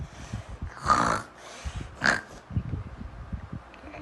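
Two loud snorting, snore-like bursts over low rumbling breath noise; an acted imitation of snoring.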